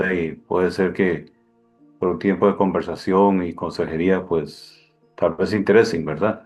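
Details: Adult male speaker; normal voice.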